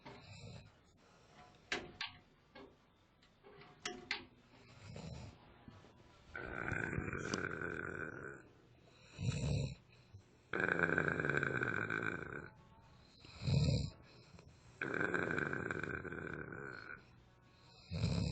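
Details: Sleeping friend snoring: loud, rattling snores on the in-breath with quieter breaths between, in an irregular rhythm; heavy snoring.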